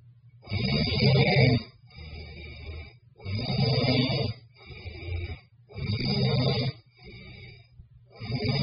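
Low rattling snores on the in-breath with softer out-breaths, about four breath cycles in nine seconds, roughly 25 a minute; steady snoring.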